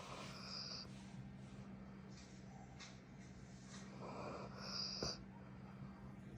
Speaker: That's a cute snoring. You have a you have a cute snoring.